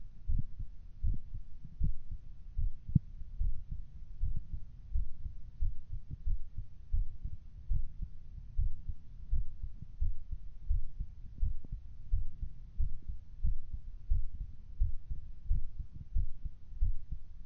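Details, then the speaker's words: Person recording their own regular heartbeat through a phone: muffled, steady low thumps around 85 beats per minute with rumbling handling noise; normal heartbeat. "I'm gonna figure this out. My regular heartbeat."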